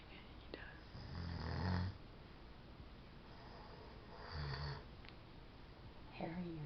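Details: Low, rumbling snores about every three seconds over a steady room hum, from an adult man asleep in the morning who claims he never snores; loud snoring.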